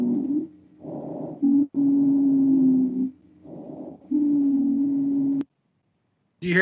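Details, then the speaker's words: Expiratory wheeze on breath sounds: short normal-sounding inspirations and long expirations carrying a steady high-pitched musical whistle during exhalation. "short inspiration and long exploration and then you hear that high-pitched noise in the exploration that's a excretory wheeze still that high-pitched whistle and if you hear the inhalation it sounds normal it's the exhalation that sounds are normal"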